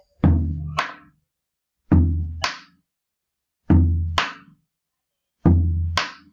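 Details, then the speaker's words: Simulated intensified second heart sound imitated on a drum: paired beats about 34 per minute with the second sound accented; loud S2. "Si es el R2, sonaría así, si está intensificado."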